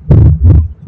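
Two low, rumbling heart sounds with a sustained low murmur, consistent with tricuspid stenosis.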